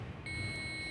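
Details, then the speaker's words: Steady high electronic tone rising as an AED charges before a shock, in a simulated adult-protocol cardiac arrest of a 17-year-old teenager, lay rescuer training; everyone stays clear of the patient; AED charging tone. "we allow the aed to charge nobody's touching the patient"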